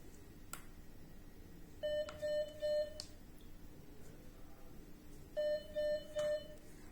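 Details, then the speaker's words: Two sets of three short even beeps in a quiet room as a MedRena UniFusion VP50 Pro infusion pump is switched on by holding the power button 2 seconds; normal power-on tones. "first up switch on the pump press the power button for 2 seconds to turn on the pump"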